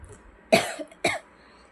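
Two short, harsh coughs from an adult woman, each a sharp burst with a brief tail.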